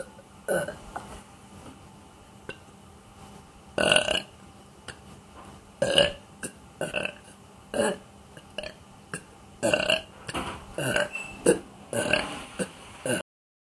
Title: Burping Baby